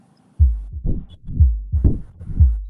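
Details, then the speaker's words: Heart sound quiz clip of mitral stenosis from rheumatic heart disease: paired low heart sounds near 60 per minute with a low rumbling murmur between beats. "yes romantic heart disease for this vital stenosis"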